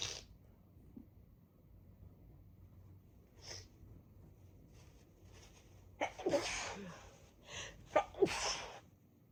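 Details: Sniffing and quiet breaths, then a burst of several sharp, explosive sneezes in quick succession, set off by sniffing chhinkni snuff in a congested person with a blocked right nostril: sneezing.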